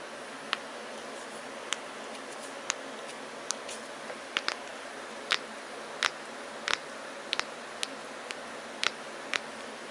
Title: Joint Cracking